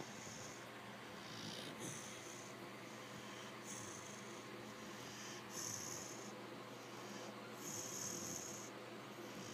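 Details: 5-month-old female American Bulldog puppy napping mid-afternoon: steady rhythmic hissing snoring breaths about every two seconds, roughly 30 a minute.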